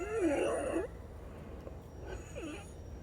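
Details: Patient's lung sounds: loud musical wheezing returned about 5½ hours after last treatment, two wheezy breaths in three seconds, before an as-needed DuoNeb breathing treatment.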